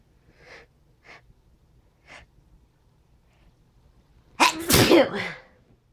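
Three short sharp in-breaths, then one loud explosive sneeze. A single sneeze.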